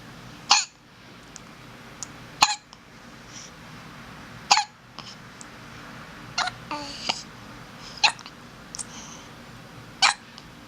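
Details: Hiccups: six sharp, brief hiccups about every two seconds, with faint quiet vocal sounds between them.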